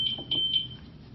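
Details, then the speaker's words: A high-pitched repeating electronic beep that then stops: the bed exit alarm on a Stryker Spirit Select hospital bed, sounding when the patient gets out of bed and stopped with the set/reset button; a training demonstration. "If a patient gets out of bed and the bed exit alarm is sounding, push the set reset button."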